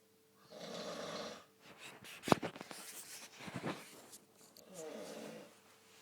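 Rough, rattling snores on breathing in, with a snort in between, from a sleeping adult man; ordinary snoring.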